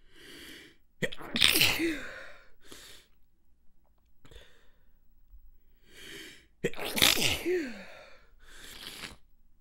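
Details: Two stifled sneezes with congested sinuses: sharp, muffled bursts held back with a closed mouth, with quick in-breaths before and after, amid a persistent tickle.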